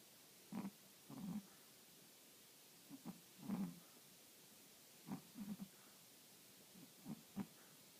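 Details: Short, low, snorting snores in irregular clusters, several every few seconds, from a sleeping animal; snoring.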